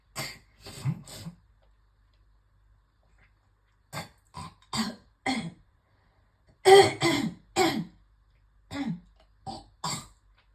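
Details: Repeated short throaty bursts of retching and hawking with spitting between groups, bringing up a lot of phlegm after a coughing fit while brushing teeth.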